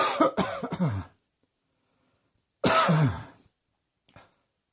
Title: Cross Dressing Coughing 7